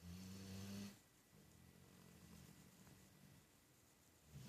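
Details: One loud rumbling snore, then quieter noisy breathing, with another snore starting at the end; loud snoring that keeps someone awake.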